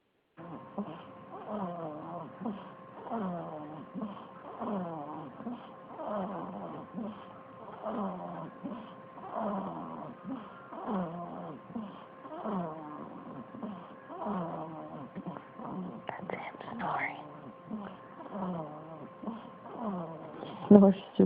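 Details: One-month-old baby snoring while sleeping on the mother: soft, rhythmic noisy breathing recurring about every 1.5 seconds over a steady background hum; infant snoring.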